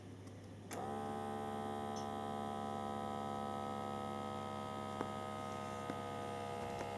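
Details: Sanitas SBM 52 automatic blood pressure monitor with voice alert: steady electric pump hum with a few faint clicks as the cuff inflates, with background music.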